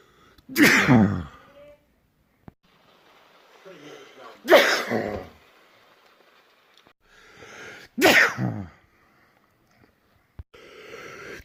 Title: World Loudest Sneezes